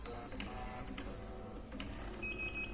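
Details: Hospira infusion pump restarted after a distal occlusion alarm was resolved: soft repeated mechanical clicks and whirring, with a faint steady tone near the end; infusion pump running.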